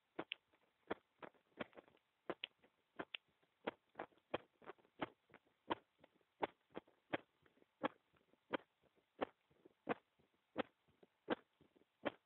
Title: heartbeat with new mic